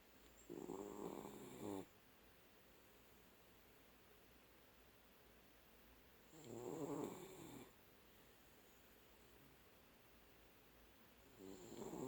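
Rattling snores on each breath in, about five breaths a minute, with quiet pauses between; a sleeping dog snoring loudly.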